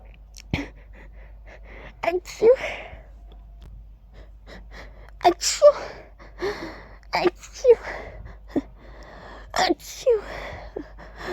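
A series of about five sneezes, each with a sharp gasping intake and a voiced "achoo" burst; ordinary sneezing.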